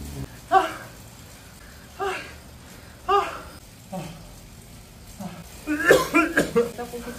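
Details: Adult coughing while exhausted during a hard indoor running workout with VO2max intervals: about six short, harsh coughs with heavy breathing between them, ending in a rough cluster.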